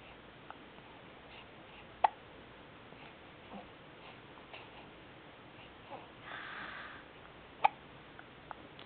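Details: 3-month-old baby girl hiccuping while being played with: two sharp, brief throat clicks about five seconds apart in a quiet room; hiccups.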